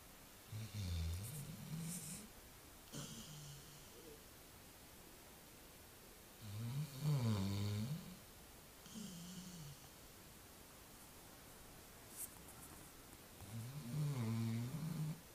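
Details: Dog named Œdipe snoring during a nap: deep, rattling snores about nine per minute with quiet pauses between.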